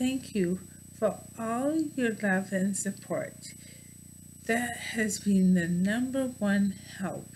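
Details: Adult woman with bulbar ALS; mouth and some tongue muscles no longer working from loss of nerve signals for voluntary movement, noticeable in her talking; dysarthria (bulbar ALS).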